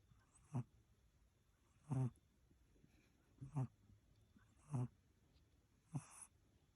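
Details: Five low, rough snorts at irregular intervals, about one every 1.3 seconds, in a quiet room: snoring during sleep.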